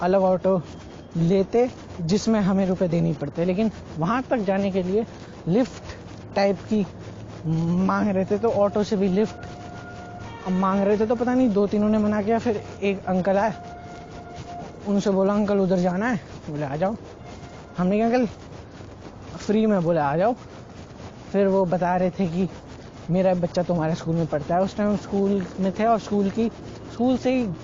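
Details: Male Hindi speaker doing daily speaking practice for his own stuttering (stammering); stuttering.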